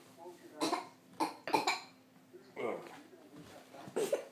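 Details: A child's several short, sharp hiccup-like bursts with voiced sounds between them in a small room; hiccups.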